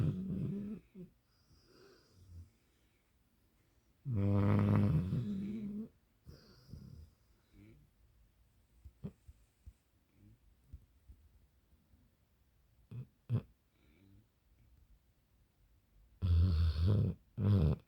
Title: LOUD & LARGE snoring Dog!😂😭🤣😂